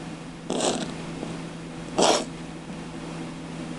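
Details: Cat during an asthma attack: two short, harsh hacking coughs over a steady background hum, consistent with feline asthma cough.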